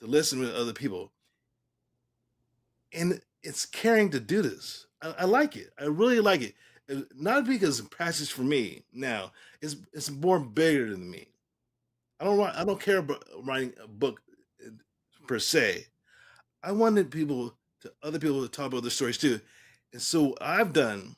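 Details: Male stroke survivor speaking about 3 years and 5 months after his stroke: post-stroke aphasia.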